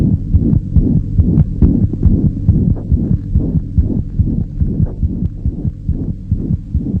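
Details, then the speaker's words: Child heart auscultation: fast heartbeat about 140 a minute with a steady whooshing holosystolic murmur filling the gap between beats. "murmurs can be diastolic or systolic can you hear this hollow systolic murmur"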